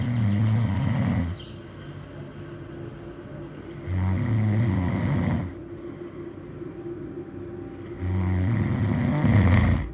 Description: Old man snores loudly and annoys beautiful girl.